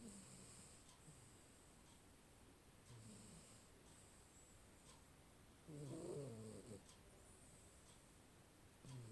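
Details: Maine Coon cat snoring while asleep, recorded on a Xiaomi Mi 10 Pro 5G phone; soft, faint snores at roughly three-second intervals over low room noise.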